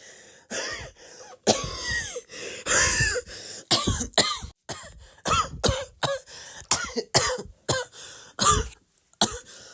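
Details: About fifteen short, harsh cough-like bursts in quick succession, some with a rising-falling squeaky tone. Coughing.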